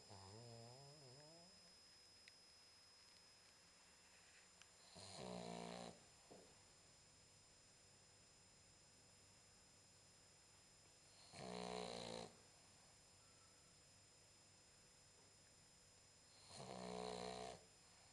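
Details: 10-week-old Boxer puppy snoring: three loud, buzzing snores about six seconds apart in a quiet room, with a brief whine at the start; recording volume is low.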